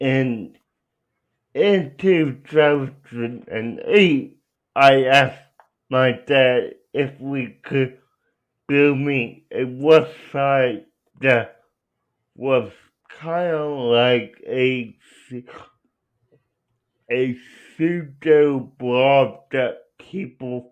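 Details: Young adult man with cerebral palsy who uses a wheelchair; dysarthria due to cerebral palsy.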